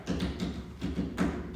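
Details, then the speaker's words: Heart-failure teaching example of S3 and S4 gallop together: low, muffled heart sounds with clusters of extra sounds each cycle, a quadruple rhythm. "S3. Okay? S4. And both together."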